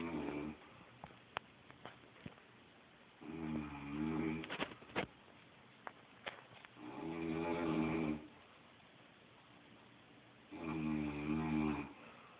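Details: Grandma, reportedly a smoker, snoring while asleep in a guest bedroom: three loud, rattling snores on the in-breath, roughly every three and a half seconds, with clicks and rustling between.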